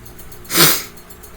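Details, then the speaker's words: A single sharp adult sneeze: a hissing burst of air that rises and fades within about half a second against quiet room noise. "I got sneeze. Sorry, you had to hear that. I couldn't pause it, so sorry."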